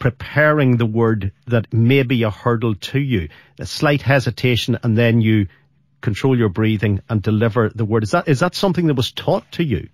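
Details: Adult male speaker; no speech disorder.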